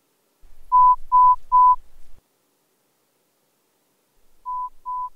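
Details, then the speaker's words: AirPods Pro 2 hearing test: three short steady beeps, then two softer ones after a pause; pure-tone test tones at different volumes and frequencies, tapped when heard. "so this test is going to play these tones that are at different volume levels and frequencies"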